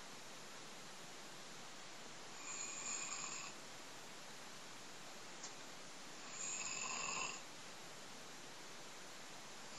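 Two brief rasping snores about four seconds apart over steady hiss; snoring.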